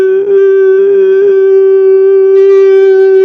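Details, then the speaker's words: A steady, high, pure ringing tone simulating tinnitus, described as a symptom of caffeine intolerance or toxicity. "eso es un acúfeno, ¿lo han escuchado ustedes? Todos lo hemos escuchado, y más o menos se escucha, y luego le dices a alguien, oye, ¿tú escuchaste eso? No, estoy loco. No, no estás loco, se llaman acúfenos."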